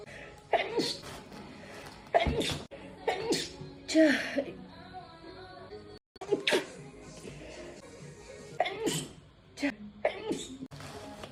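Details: Woman's sneezing fit, tagged allergies: repeated forceful sneezes in quick succession with music playing underneath, edited into a 4½-minute loop.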